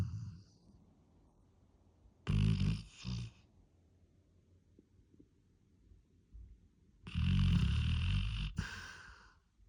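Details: Snoring in a sleeping dog: two loud, harsh, rumbling snoring breaths several seconds apart with quiet between.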